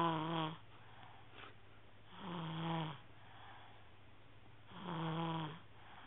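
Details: Snoring recorded on an HTC mobile phone: soft rhythmic snores, about 24 a minute, each a brief buzzing tone on the breath, in a quiet room.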